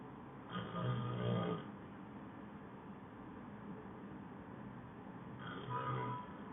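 Two low, rattling snores on the breath in, separated by a quiet pause, over steady room hiss.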